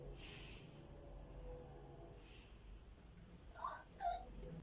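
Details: School-age girl, stethoscope on the back over the lungs while breathing in and out through the nose: soft quiet normal vesicular breath sounds, no wheeze or crackles.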